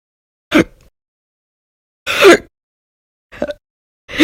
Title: 3/1/20 to 3/31/20, Violent, Bad Very Loud, Silent, Minute, Second Hiccups Audio Only